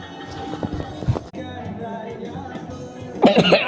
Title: ignore my cough